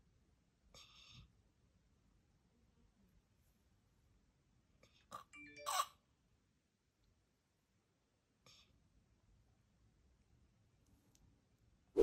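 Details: Real actively dying patient in hospice: brief, faint gasping catches separated by long silent pauses, about four in twelve seconds at irregular intervals: agonal breathing.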